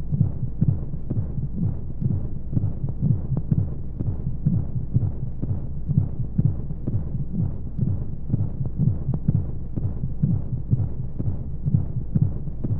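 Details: Womb-sound sleep aid for babies: muffled, whooshing low heartbeat thumps at roughly 125 a minute under steady rushing, flowing noise, as heard from inside the womb; heartbeat.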